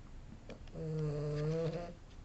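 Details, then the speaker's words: Small pet dog that has just started its nap, snoring: a single soft, low, drawn-out snore lasting about a second, with faint room noise. "C'est mon petit chien qui a entamé sa sieste. Vous l'entendez peut-être ronfler."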